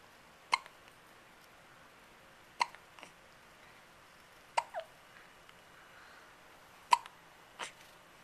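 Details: Four sharp, abrupt hiccups about every two seconds, each with a small trailing catch, in a quiet room, from a young child while the mother talks; recorded in 2009 on a Flip Video camcorder.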